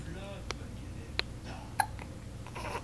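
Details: An infant, awake and looking at its mother, gives three short, sharp hiccup sounds about every half second, with soft room noise behind; hiccups.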